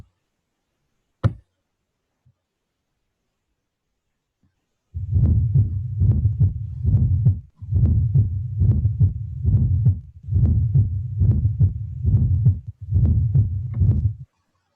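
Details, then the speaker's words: Teaching auscultation recording: low, muffled heartbeat about 70 a minute with a soft extra sound just before the first, from atrial contraction; fourth heart sound (S4) gallop. "hay una vibración en el fondo cardiograma que representa el cuarto ruido"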